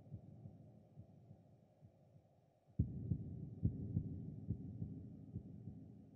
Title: Ambient sound effect - Cold Heartbeat